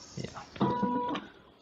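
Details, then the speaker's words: A homemade ventilator made from an AMBU bag driven by an Arduino-controlled stepper motor on a 12 V battery: a motor click, then a steady whine of about half a second as it squeezes the bag once. "this is the operation so you can see I never represent air comes out and I know relax the air comes from here to here"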